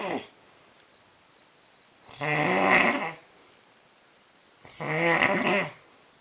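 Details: Man snoring very loudly: rough, rattling snores on each in-breath, about three in six seconds, with quiet out-breaths between; heavy snoring.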